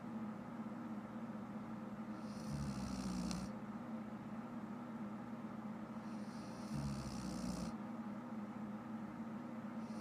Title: My girlfriend snoring again